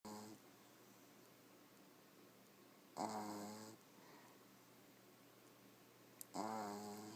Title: Sleeping at my computer ! One eye open and the other closed !Snores like the big boys